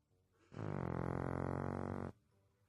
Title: Funny Snoring pug